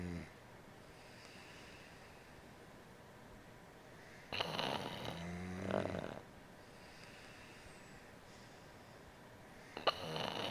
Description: Funny bostonterrier and boyfriend sleeping and snoring.